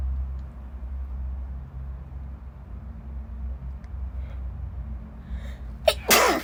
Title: Sneezing fit in a Corridor (F)